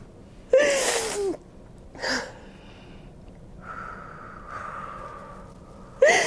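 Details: During a fascia healing session, a woman lying on her side gives two loud sharp sneezes, a slow exhale, then starts another sneeze: sneezing.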